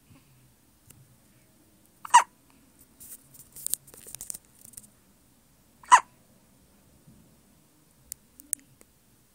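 Two sharp, brief hiccup sounds about four seconds apart, with soft breathing and stirring between them from a sleeping baby.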